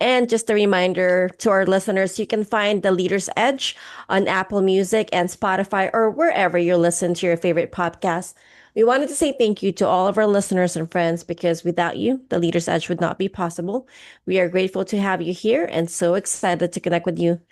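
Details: Adult speaker; normal speech.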